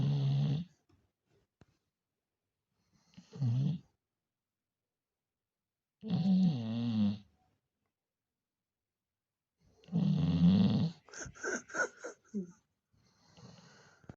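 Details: Rhythmic rumbling snores every few seconds, the last followed by snorting, sniffing bursts; a female named Pumpkin snoring.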